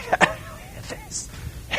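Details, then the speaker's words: Adult imitating stridor in an emergency medicine lecture on allergic reaction with lip and tongue swelling: short, harsh, coarse upper-airway breath sounds with a faint whistle, described as upper-airway wheezing, coarser than lung wheeze. "Strider is basically wheezing of the upper Airways so it's a much coarser sound"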